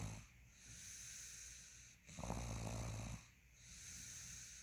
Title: Me Snoring 2